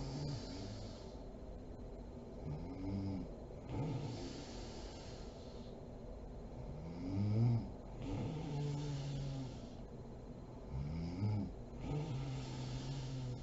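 Rough, low, vibrating snores on the breaths, roughly every four seconds, about 15 breaths a minute, with steady room hiss.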